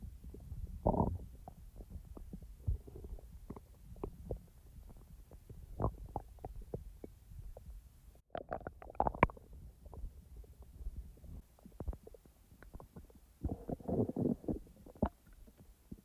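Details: Person's own stomach sounds, recorded and edited rather than in real time: irregular gurgles, squeaks and soft rumbles over sixteen seconds; normal bowel sounds (borborygmi).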